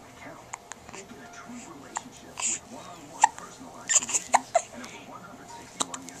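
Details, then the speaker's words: Baby with hiccups who also spat up and yawned, recorded with a Flip Video camcorder; brief sharp catches at uneven intervals over soft room noise and adult murmuring; hiccups. "Hello, cutie pie. Hi. Get the crazy hiccups. Crazy hiccups."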